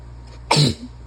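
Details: Adult still sick with a cold: single loud, wet, explosive, barky sneeze over low room hum, start of slow-building sneezing fit; sneeze.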